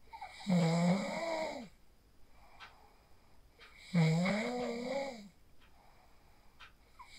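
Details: Real sleep snoring recorded on a phone after practicing the 4-7-8 breathing technique: loud, vibrating snores about every three seconds, quiet pauses between, faint clicks in the room; snoring.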